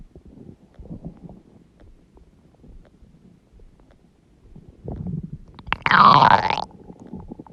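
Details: Bowel sounds (borborygmi).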